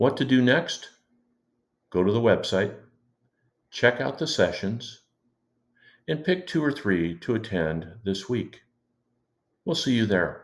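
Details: Adult male speaker; normal speech.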